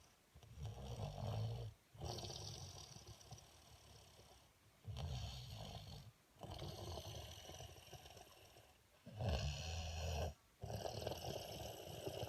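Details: Loud, low, rattling snores with short pauses between them, about four breath cycles in twelve seconds, roughly twenty a minute; snoring.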